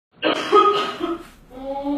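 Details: Staged comedy skit about accidentally sneezing around friends, performer says he is still sick: a short voiced throat-clearing or sneeze-like burst, then a brief voiced sound; simulated throat clearing.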